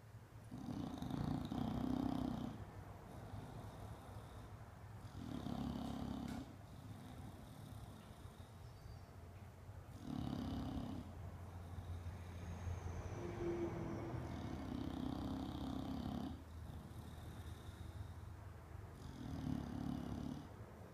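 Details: Bulldog sleeping after being groomed, snoring steadily: deep rattling snores on each in-breath and softer out-breaths, about twelve breaths a minute.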